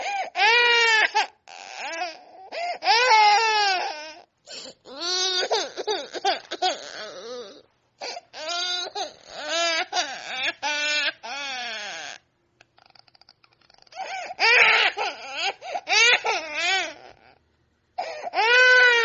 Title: Baby Crying Sound Effects